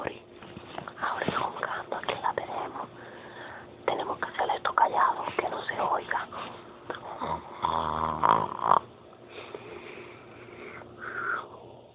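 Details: Several people sleeping in a shared room, snoring loudly: rough, irregular snoring with rattling snorts, likened to a broken-down old car.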